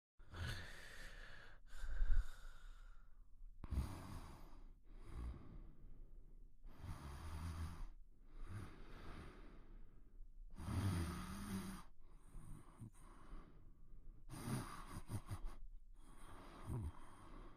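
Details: Cartoon snoring from a Pink Panther scene: repeated rhythmic snores and breathy snorts, about one cycle every two seconds.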